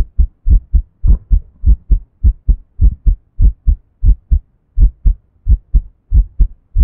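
Paired low thumps of an adult heartbeat, about 100 beats a minute, clearly recorded with little background.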